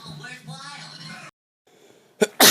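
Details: A single loud, explosive sneeze after a sharp intake of breath, with murmured voices beforehand.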